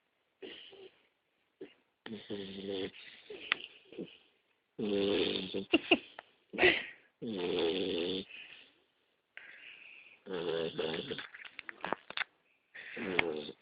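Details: Sleeping pet snoring loudly, rough snores repeating with each breath in a steady rhythm; described as louder than the owner.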